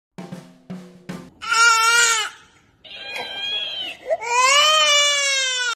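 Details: Loud, high-pitched infant wails in long, strained bursts, after a few short knocking sounds at the start.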